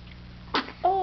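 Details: A 1-month-old infant gives a single short, sharp sneeze, followed by an adult's voice.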